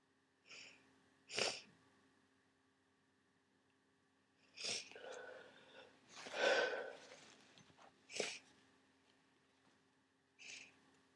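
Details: Sneezing with a head cold and swollen sinuses, some sneezes induced: several wet, muffled, snotty sneezes into tissues with sniffing and nose blowing, over a steady room hum.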